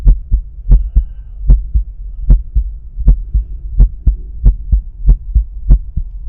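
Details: Stethoscope at the pulmonic area during breath holds, with a visible carotid pulse: normal heart sounds.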